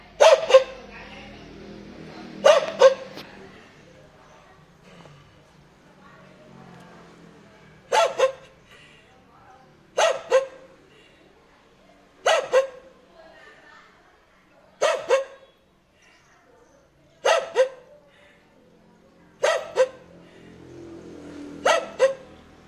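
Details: A dog gives about nine short, rough, raspy barks, many in quick pairs: a hoarse bark.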